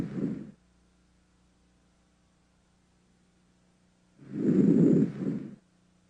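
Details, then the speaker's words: Normal breath sounds heard through a stethoscope over the anterior chest during a clinical examination: soft, low-pitched inspiratory and expiratory sounds with no added sounds. "listen to the duration pitch and intensity of the inspiratory and expiratory sounds decide what type of breath sounds you are hearing and note any added sounds"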